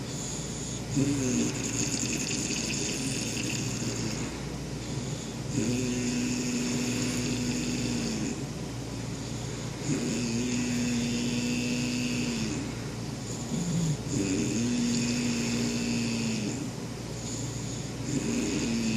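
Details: Snoring: loud, regular rattling snores on each breath, about four in 19 seconds, over steady room hum.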